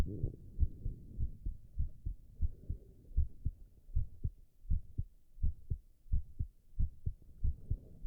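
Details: Adult male heart sounds recorded while drinking tea: regular paired lub-dub heartbeats, about 75 a minute, soft and low in a quiet recording; ordinary heart sounds.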